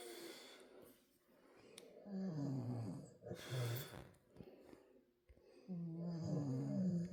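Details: Deep, rumbling, rougher snorting snores on each breath, about three cycles, from a sleeping man and Harley snoring together: snoring.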